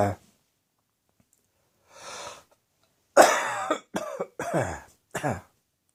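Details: Adult coughing and choking after spices from an Indian takeaway curry, eaten after an evening of beer, caught the back of the throat.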